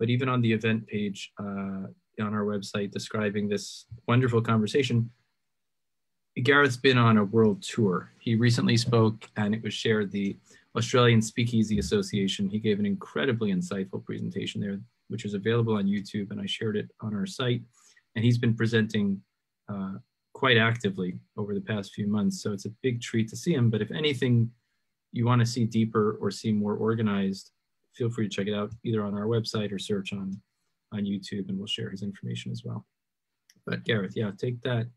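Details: Adult male speaker; typical speech.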